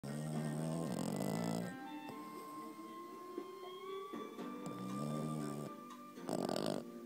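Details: Rhythmic, rumbling snores on each breath, partly buried under background music; a Boston Terrier snoring.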